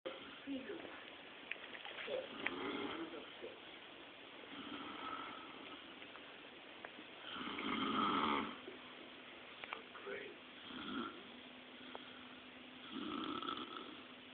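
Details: Rough, rattling snores recurring in uneven bursts, roughly eleven a minute, in a quiet room; ordinary snoring during sleep.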